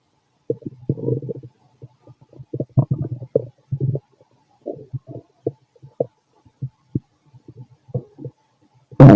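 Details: Fit adult male's abdomen, recorded with a stethoscope after lunch and a carton of milk: irregular low gurgles and bubbling rumbles, normal active bowel sounds (borborygmi).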